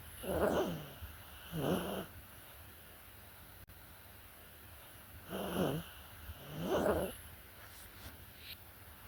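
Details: Animal snoring: rhythmic rough sounds on breathing in, in pairs with quiet pauses between; snoring.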